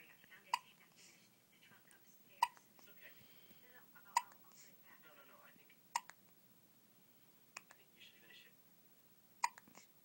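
Sharp, abrupt hiccup sounds about every two seconds, roughly six in ten seconds, with soft whispering between them; ongoing hiccups.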